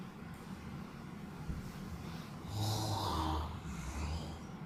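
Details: Snoring: a low rattling snore on an indrawn breath, with room noise around it.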